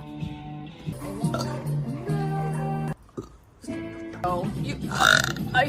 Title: The Ultimate Burping & Belching Masterpiece 🇮🇹